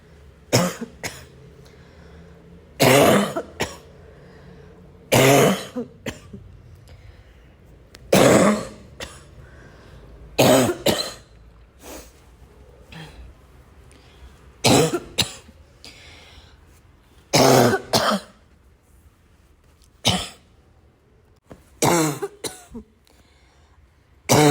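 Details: Adult with repeated harsh, barking coughs, throat clearing and snorts, with wheezy, noisy breathing between bursts: barking cough with wheezing.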